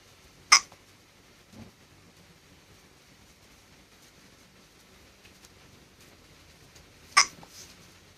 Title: Hiccups while sleeping